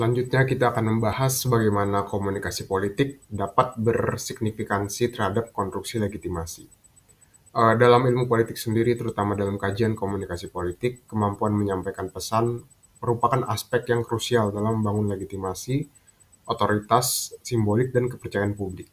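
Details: Adult male speaker; Normal speech.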